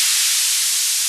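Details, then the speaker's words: Tinnitus masking sound from a BeHear ACCESS Model II hearing amplifier's customizable generator, pitch set on a tuning grid: steady, loud high-pitched hiss like rushing steam. "When you reach a sound that matches your tinnitus, you can then save that. And the next time you activate the tinnitus masking it will use that customized sound."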